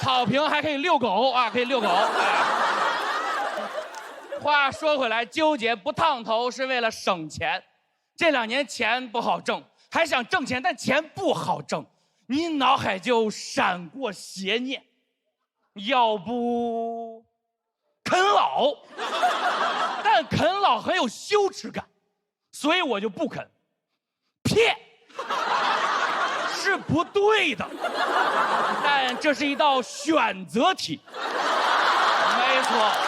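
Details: Male stand-up comedian who says he has a stutter, performing in Mandarin Chinese; stuttering.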